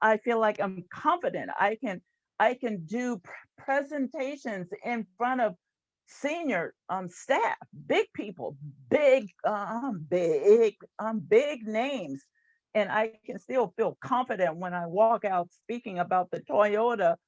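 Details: Adult woman, a retired employee and stuttering support group leader, who has stuttered since about age seven; stuttering.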